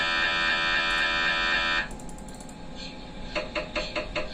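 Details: Loud steady electronic buzzing from an MRI scanner, then a quieter pause and a run of rapid rhythmic knocking pulses; MRI scanner noise.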